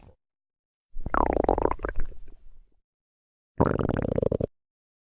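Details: Stomach growling (borborygmi).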